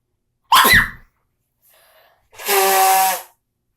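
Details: Self-induced sneeze: a sharp, noisy sneeze burst, brief pause, then a second drawn-out sneeze with a high, squealing voiced tone; unusual-sounding sneezing.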